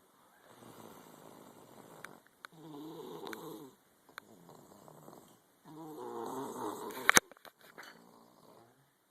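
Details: Snoring in a sick animal, possibly a cat: soft, rattly snoring breaths in a slow rhythm with a few sharp clicks.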